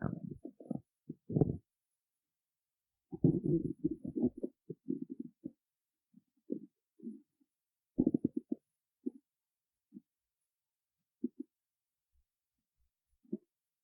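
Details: Stomach growling, said to be from hunger before a performance: irregular low gurgling and rumbling bursts with quiet gaps; borborygmi.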